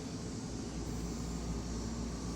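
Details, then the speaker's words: Oxygen concentrator running, kept for saving puppies: a steady low mechanical hum and rushing noise. The noise alone does not show that oxygen is flowing. "when you turn this thing on it just makes a noise and you don't know that there's pure oxygen coming out of this at all"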